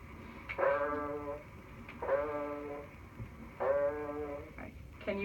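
Three sustained 'ee' sounds through the chest wall, still sounding like 'ee': no egophony.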